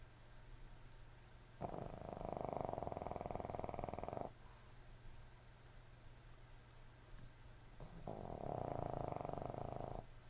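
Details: Puppy Mandy snoozing, dreaming and snoring in sleep.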